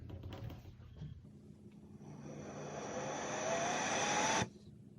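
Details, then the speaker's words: ResMed Astral ventilator setup with single limb circuit, circuit end left open: rising blower whoosh with climbing whistle, then abrupt cutoff during the automatic circuit resistance test. "Okay, so that was a resistance test."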